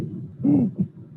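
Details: Aortic stenosis murmur with a musical quality: a brief hooting, musical tone rising over the heart sounds; real, unfiltered auscultation with room noise.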